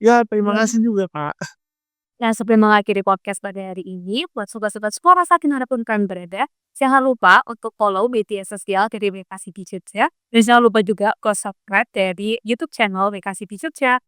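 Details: Adult speaker (Indonesian); ordinary speech.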